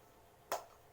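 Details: Nursing practice demonstration of deep breathing and effective cough with an adult woman: after three deep breaths, the third held, a single short, sharp cough to expel sputum from the airways.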